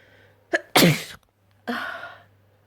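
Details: Person giving a wet sneeze: a short inward breath, then a loud, explosive wet sneeze, followed by a softer exhaled sound after a brief pause.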